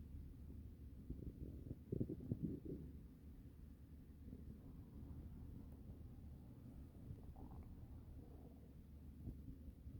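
Low, continuous rumbling with a burst of bubbly gurgles early on and softer gurgles later: loud stomach and bowel noises (borborygmi).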